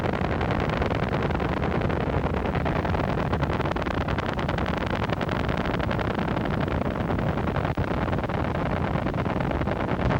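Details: Needle EMG: small-amplitude, short-duration motor unit potentials, the hallmark of myopathy and also seen in myasthenia gravis and botulism. Heard as a dense, rasping, scratchy crackle of many tiny rapid potentials.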